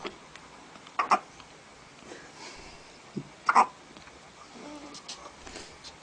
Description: Cutest hiccups ever!